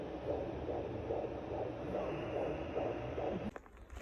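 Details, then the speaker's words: Fetal heartbeat of a boy, first time heard by the parents, on a Doppler monitor: rapid rhythmic whooshing pulses, about 140 a minute, over a low hum. "So my belly had started growing, and me and Parker were really happy and super excited. This is the first time I heard his heartbeat."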